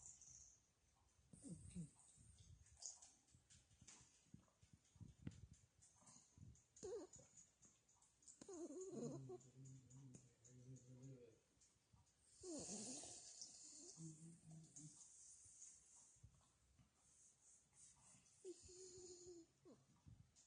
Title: Morkie snoring like a human after vacation